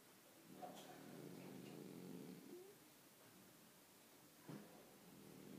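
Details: A sleeping Bichon Frise dog snoring: a soft, drawn-out rumble followed by a brief snort, over light background noise.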